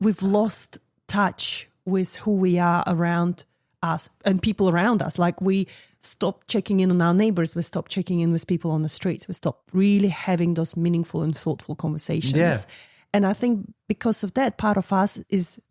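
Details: Adult speaker in conversation; typical speech.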